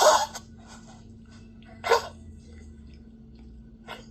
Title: Coughing. DAYTIME THEN night time